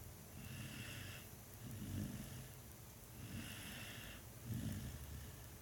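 Rhythmic low rumbling snores alternating with airy breath-out noise, roughly a dozen breaths a minute, with steady background hum.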